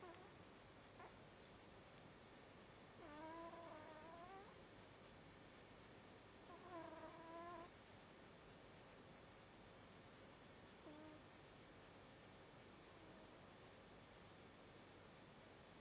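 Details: Snoring in a cat, which the owner calls normal: faint, squeaky, whistling snores every few seconds over a steady background hiss.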